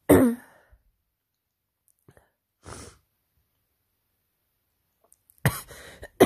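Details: An exhausted person with a head cold and runny nose, constantly sniffling, caught during allergy season: two abrupt, forceful sneeze bursts with a short sniff between them in a quiet room.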